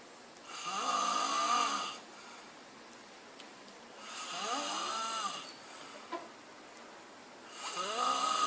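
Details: Loud, drawn-out buzzing snores on each breath in, about 17 a minute, separated by quiet breaths out; ordinary sleep snoring.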